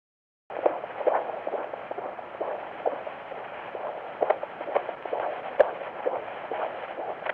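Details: Live fetal ultrasound Doppler: a rapid, regular whooshing fetal heartbeat at about 130 beats a minute, a normal fetal heart rate.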